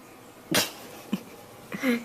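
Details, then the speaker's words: Three short, sharp nasal snorts in quick succession, then a brief whine; a dog sneezing during play as the owner touches its nose, a harmless play sneeze. "i get your nose i get your nose i usually make some sneeze righty"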